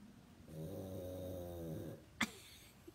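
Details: 5-year-old rescued pug, sleeping and possibly dreaming, gives one long, low, rattling snore followed by a brief sharp click; snoring.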